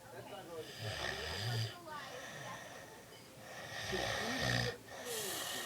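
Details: Adult man (dad) snoring, though he says he doesn't snore: loud, rough rattling snores on each in-breath with quieter out-breaths between.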